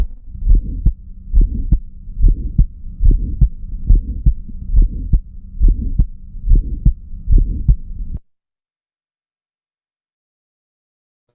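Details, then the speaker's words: Pediatric auscultation teaching: a regular child heartbeat about 70/min with a sharp early systolic ejection click, often referred by pediatricians as a split first sound, plus a soft systolic murmur. "Vale, en definitiva, lo que estamos oyendo es, voy a tocarlo. Estamos oyendo, estamos oyendo y algunos pediatras nos mandan, porque esto se oye, eh nos mandan eh la oscutación como desdoblamiento del primer tono."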